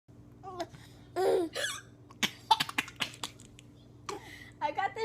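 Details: Several abrupt, short gulping catches between laughter and talk, over a steady room hum: hiccups.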